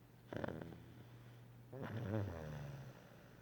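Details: A short snort, then a longer vibrating snore over a steady background hum, heard while napping; snoring.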